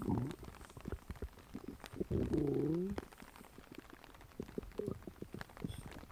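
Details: Gurgling, squeaking abdominal rumbles with a drawn-out tonal growl; ordinary stomach growling (borborygmi).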